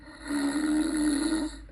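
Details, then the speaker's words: Recorded snoring played from an online "10 hours of snoring" track through computer speakers at full volume to test a sleep mask: a single droning tonal snore about a second long. "One hour snoring. Let's see. Here's some more. Oh, there's a good one. 10 hours of snoring."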